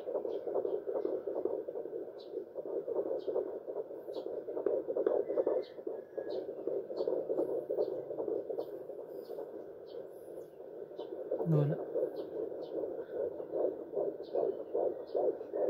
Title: Hearing our baby's heart beat using a doppler (14 weeks & 5 days pregnant) - sound on 🔊